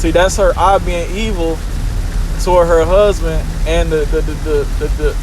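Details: Male speaker who comments on his own stuttering; stuttering.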